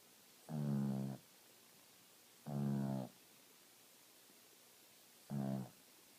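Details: Dog snoring in deep sleep: three low, rumbling, tonal sounds about two to three seconds apart, each under a second, in a quiet room.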